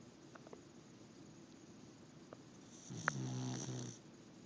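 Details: One rumbling, buzzing snore after a quiet stretch with faint clicks, from a sleeping pet; snoring.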